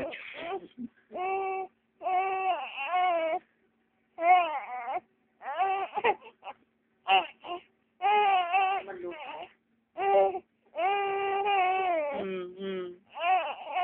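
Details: Crying of a 3-month-old infant girl: repeated bursts of rising and falling wails with brief pauses for breath; ordinary infant cry.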